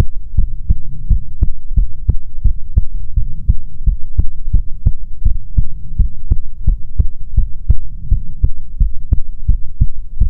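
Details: Steady, soft thumping with paired beats at about 70 a minute over a low hum, in an ASMR heartbeat recording meant to be soothing; normal heartbeat.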